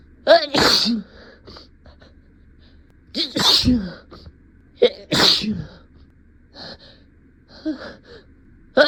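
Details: Three loud induced sneezes, each with a sharp in-breath and voiced burst, with small sniffs between, acted in a comedy skit about denying a cat allergy after bringing home a new cat.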